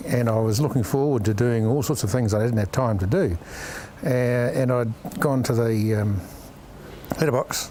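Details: Aphasia with word-finding difficulty in an adult male businessman after a stroke, a language disorder from damage to left-hemisphere speech centres.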